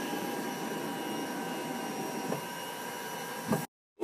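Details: Steady mechanical whir of a cough assist (mechanical insufflation-exsufflation) machine running, with a brief click before it stops.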